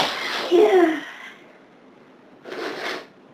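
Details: Sneezing on a severe hay fever day in summer, sneezes pouring out and unable to stop: a loud sneeze with a sharp burst of air, a pause, then a second softer expulsion.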